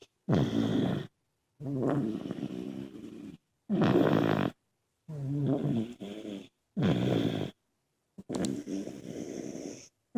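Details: Several sleeping family members, including an uncle and a nephew, snoring: loud, rough, fluttering snores in quick bursts with short silent gaps, about six in ten seconds.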